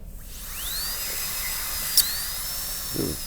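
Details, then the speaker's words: High-speed dental handpiece preparing a class II MO amalgam cavity along the central groove of tooth 3 on a typodont, a student demonstration; high-pitched whine with slight unsteady waver, the bur possibly wobbling. "That sounds like the bur's wobbling a little bit, but we'll see."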